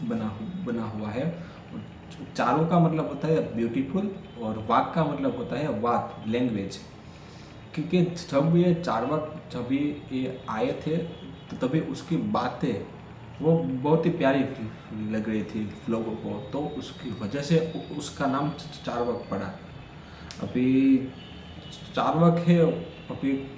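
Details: Adult man who stammers, on Day 4 of his daily speech practice, speaking Hindi in a section where he reports stuttering more: stuttering.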